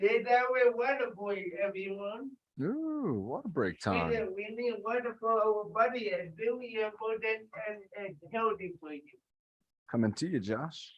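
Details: Dysarthria in an adult with cerebral palsy, speaking during an exercise session.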